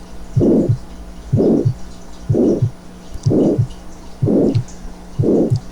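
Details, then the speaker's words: Simulated heart sounds of aortic stenosis: a harsh diamond-shaped (rhomboid) systolic murmur running up to the second heart sound, an opening click masked by the murmur, a prolonged isovolumetric contraction phase and a clean, quiet diastole. "y el primer ruido tú aquí está el chasquido de apertura que está enmascarado por el soplo y el soplo romboidal 2 sobre romboide al que termina hasta el segundo ruido cardíaco"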